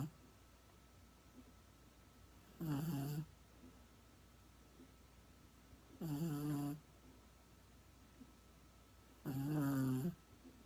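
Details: Dog (Chico) snoring loudly in sleep: three loud, rough, buzzing snores about 3.5 seconds apart, roughly 18 a minute, against quiet room noise.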